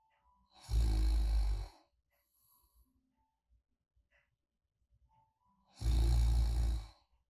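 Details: Light snoring during deep sleep: two soft, low rumbling snores about five seconds apart with quiet breathing between; muscle relaxation in deep or REM sleep may briefly narrow the airway.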